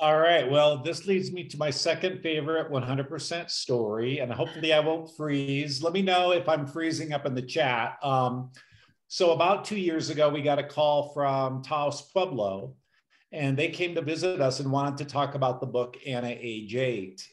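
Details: Adult speaker; normal speech.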